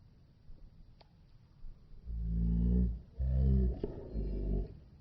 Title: My dog snores 😂